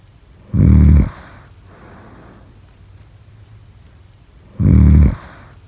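Loud, low rattling snores on each in-breath, about four seconds apart (roughly 15 breaths a minute), with a soft breathy out-breath between: snoring.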